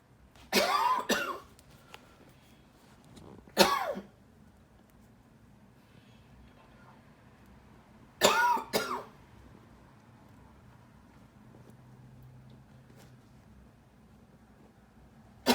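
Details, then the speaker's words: Three bouts of harsh, wet-sounding coughing, each one or two bursts, separated by quiet pauses in a small room. The cough occurs every morning, with phlegm; the person attributes it to lungs exposed to frequencies. Productive cough. "I think that cough has to do with my lungs being targeted frequencies. Because I noticed I started getting that cough in the morning, and usually I'm coughing phlegm."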